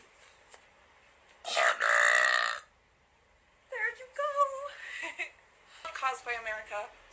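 A loud, sustained burp lasting about a second, then burped speech-like sounds; deliberate belching.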